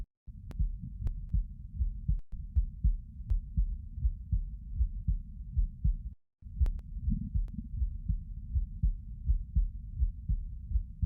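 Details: Normal heart sounds recorded lying down: steady, muffled low thumps at about 80 beats a minute with faint clicks.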